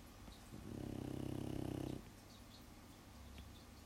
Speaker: Otherwise, you get to just listen to the sound of my dog snoring. Like that.